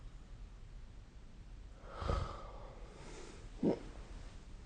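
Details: Two short, low snorting breath sounds against quiet room hiss, recorded with the SnoreLab app during sleep; snoring.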